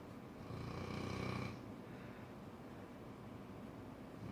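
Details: Cane corso dog snoring while asleep: one rough, rattling breath noise followed by quiet room noise.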